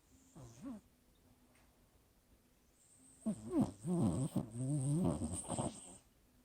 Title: Sleeping & snoring Shiloh Nov 2020 Thanksgiving #熟睡打呼的狗狗#可爱狗狗